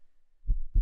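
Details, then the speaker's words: Two low thuds of a single heartbeat, the first and second heart sounds, with no added noise between them: normal heart sounds. "Well, people have always known that the heart makes a sound. But it wasn't obvious what exactly the heart is doing when it makes that sound."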